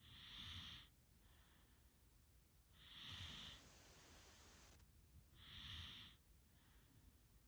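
Soft, airy, hissing snores in regular cycles, about 23 a minute, over steady background hiss.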